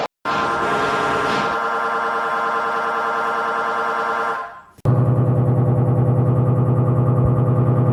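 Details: Conventional MRI scanner noise during a head MRI: loud rapid mechanical buzzing and hammer-like knocking that abruptly switches pattern, changing every few minutes throughout the scan.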